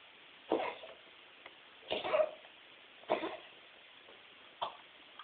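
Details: Pet named Max with diagnosed mitral valve degeneration, coughing 10 to 20 times a day: four short, harsh cough bursts. Cough with mitral valve disease.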